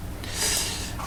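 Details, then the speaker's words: A single harsh, rattling snort in sleep over low background rumble: heavy snoring, presented as a sign of obstructive sleep apnea, with a choking catch of breath at the end. "이게 지금 소위 말하는 코골이하고 심해지면 이 소리 끝에 보면 컥 하면서 숨이 막히는 것을 들을 수 있습니다."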